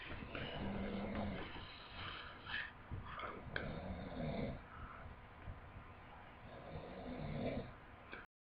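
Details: Loud, irregular, rough snorting snores over a noisy background; snoring.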